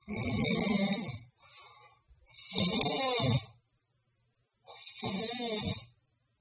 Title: Snore snore